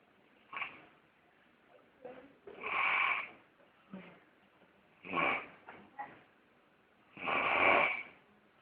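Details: Irregular rough snoring noises repeating several times over a few seconds in a quiet room; snoring during sex.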